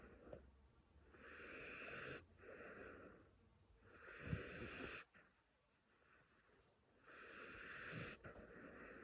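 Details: Sleeping puppy snoring: hissing, whistly snoring breaths about every three seconds, roughly 20 a minute, with quiet pauses between.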